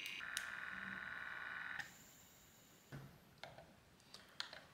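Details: Sanitas SBM 47 upper-arm home blood pressure monitor: electronic beeps and a steady tone, then quieter clicks; device start-up before a measurement.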